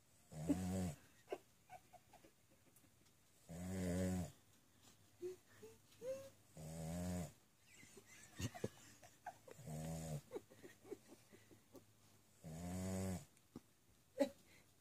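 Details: Dog snoring: five rumbling snores at irregular intervals, about 19 a minute, with faint sniffs and small noises between them.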